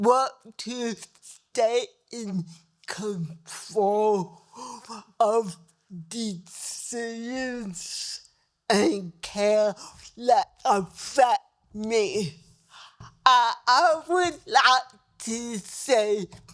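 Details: Dysarthria in a woman with cerebral palsy who needs help at new doctor visits so doctors understand her speech.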